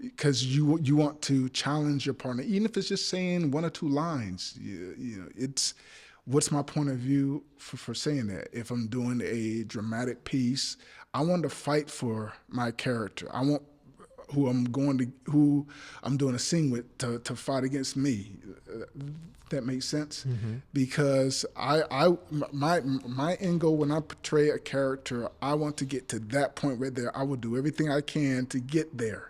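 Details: Adult male actor with stuttering since childhood that persists; stutters in this passage while trying to recall names, saying he is not nervous; stuttering.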